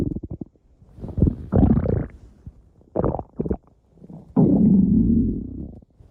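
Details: Loud, drawn-out growls and gurgles with short rumbling bursts; ordinary stomach growling (borborygmi).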